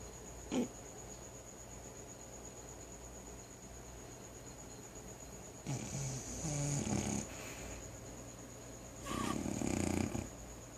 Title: Rocca snoring